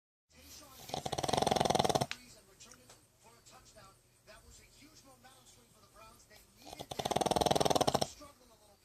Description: My pug Buddy can really saw some logs.